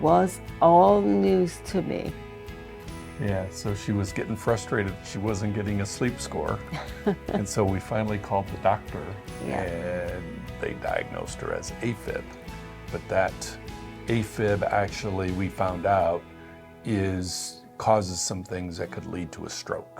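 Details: Adult man speaking; typical speech.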